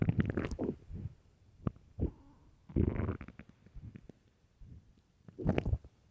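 Loud, irregular gurgling and rumbling bursts from an empty stomach; normal bowel sounds (borborygmi).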